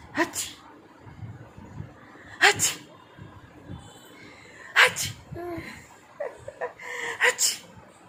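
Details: Person sneezing, real and deliberately faked sneezes: four sharp, explosive sneeze bursts over about eight seconds with quiet breathing between; sneezing, some acted.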